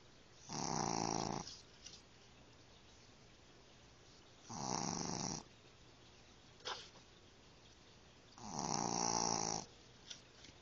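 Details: Sleeping puppy snoring: three rasping snores about every four seconds, roughly 15 breaths a minute, with a faint whistle between.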